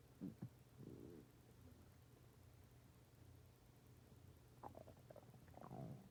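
Low, soft gurgling and rumbling with brief bubbly squeaks; ordinary stomach growling from gas and fluid moving through the gut.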